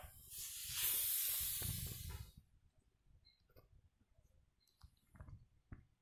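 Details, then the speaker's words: Two-second harsh hiss of nasal suctioning of mucus in a nursing skills lab simulation, then quiet with faint clicks and handling sounds; suction machine in use. "ini sekarang saya sudah selesai melakukan takziah atau pengisapan lendir di hidung Papa kemudian juga terlihat nafasnya sudah lebih lega ya Pak ya"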